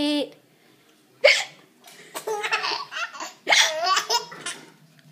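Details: A young child with hiccups giggles, broken by abrupt, catchy gasps; hiccups.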